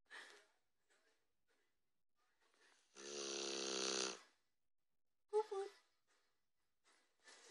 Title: My pit snores louder than shit hahaha